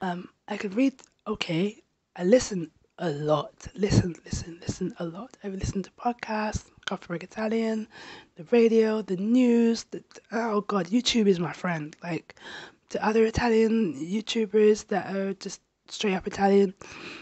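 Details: Adult woman who has stammered since age 5, with family history of stammering and onset she attributes to childhood trauma; she reports blocks, especially on the B sound; voice somewhat raspy that day; stuttering (stammering).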